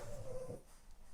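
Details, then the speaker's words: A single low, rumbling snore from a dog sleeping under the table, followed by quiet room noise; snoring. "Tak, chrapanie pod stołem jest słyszalne. Chrapie Masya Amba ."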